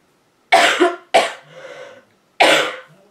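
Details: Three harsh, loose coughs in quick succession with a rough throaty tail from a woman with a cold; cough (common cold).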